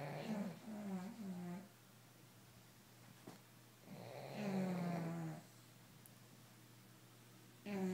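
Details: Bully dogs snoring through the night: two long, rumbling, rattling breaths a few seconds apart with quiet gaps, a third beginning at the end; steady snoring.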